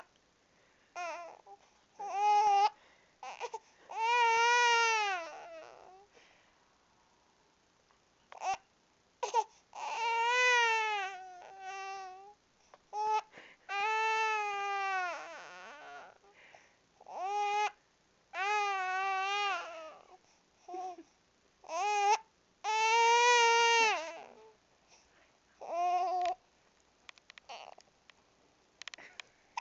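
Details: Infant crying because of hiccups: repeated high wailing bursts broken by short sharp hiccup catches.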